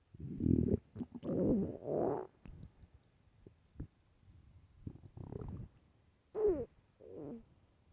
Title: Loud starving stomach growling (HEADPHONES 🎧)